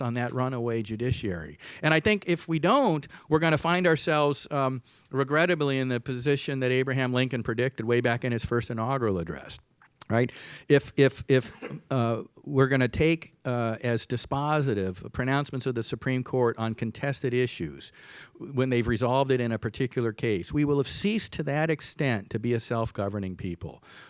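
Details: Adult male speaker; normal voice.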